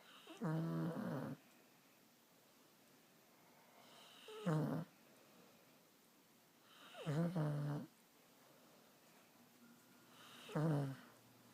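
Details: Stella snoring while sleeping with her head on someone's shoulder: loud rattling snores with each breath in, separated by quiet pauses, in a quiet room.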